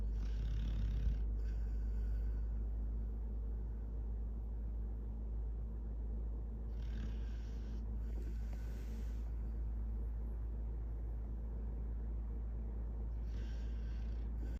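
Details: Snoring in a sleeping dog: low, rumbling snores over a steady background hum.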